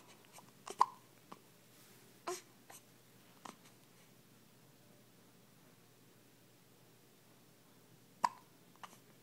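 About five or six brief, abrupt hiccup sounds come at irregular intervals against a quiet background.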